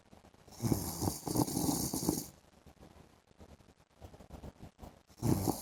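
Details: Adult man (husband) asleep in the afternoon: irregular snorting, rattling snores with a hissing edge and softer breaths between; snoring.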